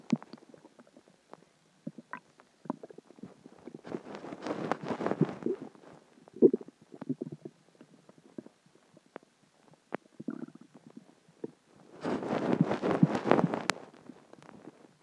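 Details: Stomach growling (borborygmi) after dinner, water and gas: irregular gurgles and bubbling rumbles with longer bursts of churning as gas and fluid move through the gut.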